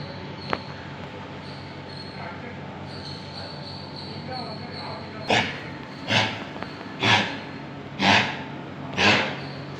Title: kennel cough in dog with no vomit